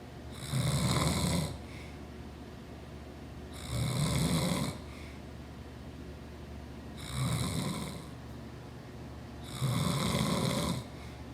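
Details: Four loud rattling snores on regular in-breaths, about 19 breaths a minute, with quiet out-breaths between, from an adult father; habitual snoring.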